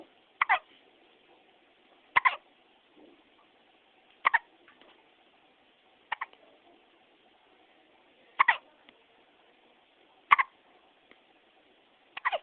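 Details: Newborn in the NICU with seven sharp hiccups at a steady pace, about one every two seconds (roughly 30 a minute), silence between; repetitive hiccups.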